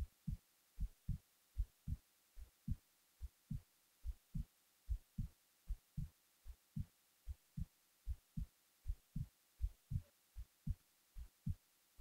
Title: hb while falling asleep